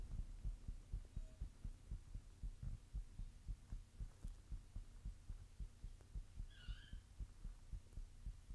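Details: Own heartbeat: steady, soft, low thumping with a faint hum behind it; an ordinary heartbeat.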